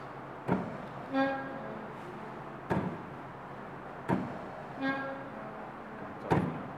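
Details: Locally made mechanical ventilator from Sierra Leone, Leone Vent: steady cycling with sharp valve clicks and a brief humming whine each breath; mechanical ventilator operating sound.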